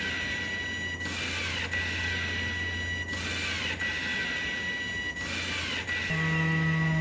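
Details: DIY non-invasive ventilator built for COVID-19 shortages, running without a mask; continuous motor hum and whine with brief regular dips as it cycles, ending in a steady tone; extension tube noise stops once the mask is on a patient.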